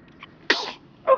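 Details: One short, sharp sneeze with a faint snort after it, from a little girl being given a tummy rub, against quiet room noise; sneezing.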